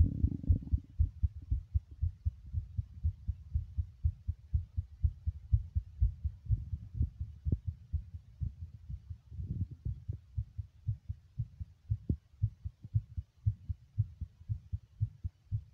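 Steady, muffled low thumps of a heartbeat at about 120 beats a minute, a fast rate.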